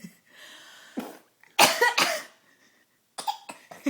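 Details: A child imitating coughing: several pretend coughs, one loud strong pair in the middle, in a quiet room; simulated cough.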